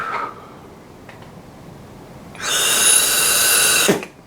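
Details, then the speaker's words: Brief quiet breath, then a loud, harsh, whistling rush of air for about 1.5 seconds: a very hard inhalation through an In-Check Dial set for a Spinhaler, targeting 60–90 L/min and reaching about 90–95. "I really had to tug on it I got about 90. maybe we got 95 so but I pulled really really hard"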